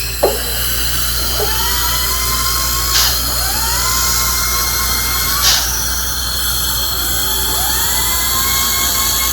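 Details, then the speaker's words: Dental prophy polisher during an adult's first dental cleaning, final polishing step with prophy paste: whirring that repeatedly starts, rises to a steady whine and drops as the hygienist polishes each tooth. "I like to take my time and really polish. Some hygienists, they just touch each tooth. No, I like to really take my time."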